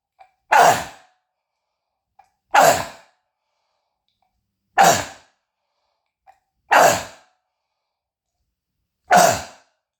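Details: Five harsh, explosive, barking cough bursts about two seconds apart, each after a short catch of breath, in an adult who describes croup and bronchitis with a throat tickle; the cough echoes off the walls.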